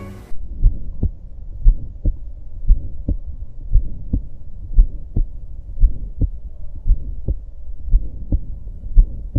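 Regular heartbeat about 58 a minute with a rough midsystolic murmur between the heart sounds, typical of aortic stenosis.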